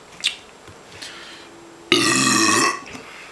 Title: in the 40 oz. Challenge ~ PARDON ALL THE BURPS...JS